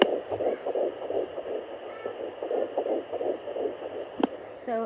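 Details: Fetal heartbeat at 10 weeks 1 day of pregnancy on an at-home fetal Doppler: fast, rhythmic whooshing pulses at about 170 a minute. Displayed numbers fluctuated and are called unreliable.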